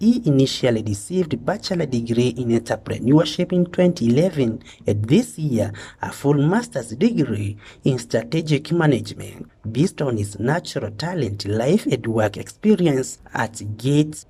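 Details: Adult male narrator; normal speech.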